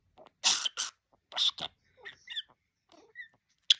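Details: Cough from a person named in the original caption.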